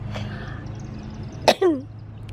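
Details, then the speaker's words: A single sharp cough followed by a short falling vocal sound over quiet music, from an adult with cystic fibrosis who reports sinus pressure, ongoing coughing and a borderline headache felt when coughing again. "I think the pressure throughout the day of like either my sinuses or the coughing or whatever is giving me kind of like a borderline headache and then I feel it when I start coughing again"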